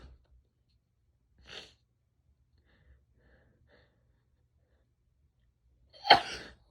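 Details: Female: a quiet room with a soft sniff and faint breaths, then one sharp, loud sneeze near the end.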